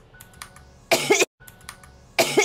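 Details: Female streamer's repeated coughing, two short harsh bursts in quick succession over faint background sound. She says she coughs with her whole body, so hard she tastes blood in her throat.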